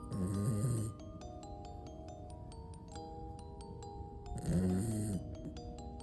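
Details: Snoring from a small sleeping pet dog: two loud, rumbling snores about four seconds apart, with soft chiming music in the background.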